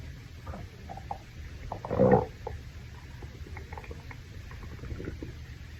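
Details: Hungry male's stomach growling after a shower: a low gurgling rumble with one louder swell over background noise; borborygmi.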